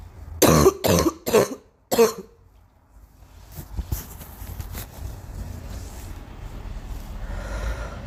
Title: Girl coughing 270